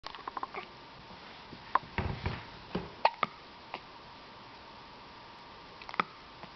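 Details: Brief sharp clicks and quick gulping jerks at irregular intervals in a quiet room; hiccups.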